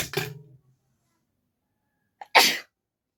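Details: Sneezing challenge: sneeze deliberately induced with a folded piece of paper, without a handkerchief; a quick sharp breath-in then an explosive hissing burst, a single sneeze with a brief voiced sound just before.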